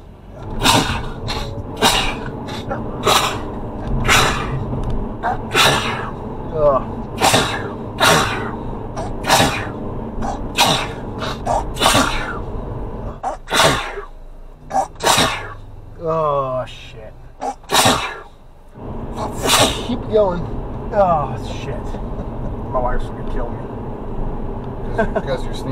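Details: Adult male passenger in a car sneezing in a rapid, relentless run of nearly twenty sharp sneezes, with car noise and a man talking; repeated sneezing.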